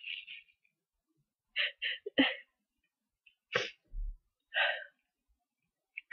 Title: a few powerful sneezes